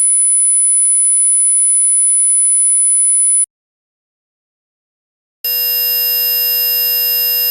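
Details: Simulated tinnitus: a steady, very high-pitched pure whistle over a faint hiss, imitating ringing in the ears.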